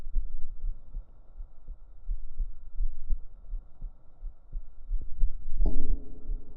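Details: Real resting heartbeat recorded up close on the chest with binaural microphones for a relaxation recording: soft, low, regular thumps at about 70 per minute over a low hum; a heartbeat.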